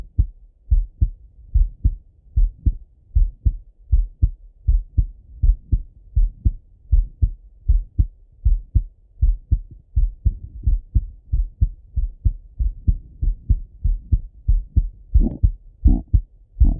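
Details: Male heart auscultation with stethoscope, self-recorded partly sitting at a desk and partly lying in bed: steady low paired thumps at about 80 a minute, regular rhythm; normal heart sounds.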